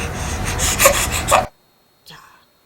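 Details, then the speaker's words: Newborn infant who is too hot, face covered in heat rash: breathy panting cry with airy 'h'-like sounds, then a short whimper; panting cry signalling overheating. "더울 때 소리 그죠 아까 헐떡거리면서 h 발음이 있다고 했는데 얘는 확실히 h 발음이 있죠"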